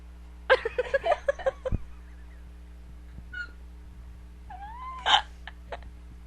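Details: A female with hiccups after a night without sleep, her third bout that night: a quick run of short, sharp vocal catches, then another after a pause, with laughter.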